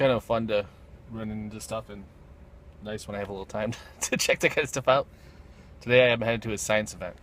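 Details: Adult man speaking; ordinary speech.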